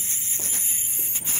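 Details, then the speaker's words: Whippet Rosie under light general anaesthetic for dental cleaning; steady high-pitched hiss and whine with faint clinking as an ultrasonic scaler removes tartar: ultrasonic dental scaler. "so we use the ultrasonic scaler"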